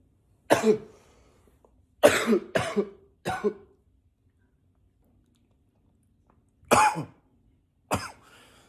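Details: Acted, voluntary coughing, sometimes deliberately in a deeper voice: six separate dry cough bursts with pauses, a few pitched deeper.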